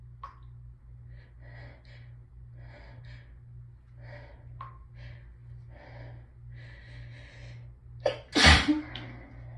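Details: Hay fever sneezing after symptoms built all day, nose raw from rubbing: several quiet hitching in-breaths build to one loud, forceful sneeze; a deep honking noise can occur when the sneeze is forced through nose and mouth at once (part 1 of 2).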